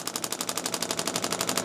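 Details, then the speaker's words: Rapid, regular sharp clicking pulses, roughly ten a second, from a radial shockwave therapy device on a chiropractor's lateral lower leg after increased running, intensity turned down, aiming for about 4–5/10 pain-pressure: radial shockwave therapy device. "Mike's sending you some shockwave on kind of my lateral leg down here."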